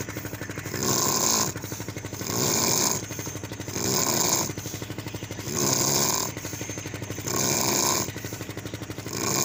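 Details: Snoring of a very tired sleeper: rhythmic rattling, fluttering snores about every three seconds, roughly 20 breaths a minute, over steady background noise.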